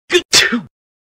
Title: Sneeze sound /no copyright sound